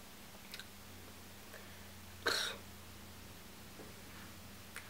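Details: Person living with Tourette syndrome, who jerks and squeaks involuntarily: a single abrupt throat-clearing burst with faint clicks in a quiet room; simple vocal tic, Tourette syndrome.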